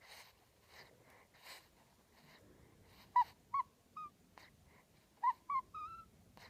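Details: Soft breathy grunts, then short high squeaks and rising whimpers from 2-week-old baby boy asleep; ordinary newborn sleep noises.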